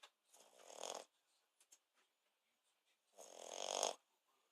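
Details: Snoring in a sleeping French Bulldog: two long, airy, rasping snores about three seconds apart with quiet in between.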